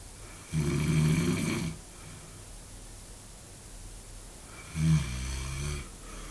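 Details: Man asleep during a stag party: loud, rattling, low-pitched snores on two breaths about four seconds apart, over steady room noise; snoring.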